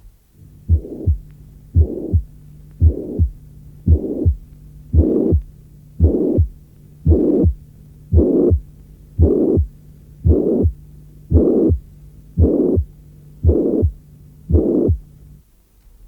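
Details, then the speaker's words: Simulated heartbeat near 57 per minute with a loud, harsh murmur filling each systole: mitral regurgitation, harsh because of its greater intensity. "Lorsque le souffle est plus intense, il devient rude, ce qui vaut d’ailleurs pour tous les souffles."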